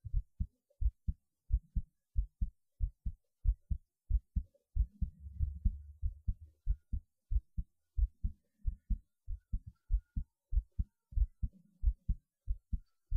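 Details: Steady, regular low thumps, about 90 to 95 beats a minute, with brief rustling noise, recorded right after standing on the head; a normal heartbeat at a slightly quick rate.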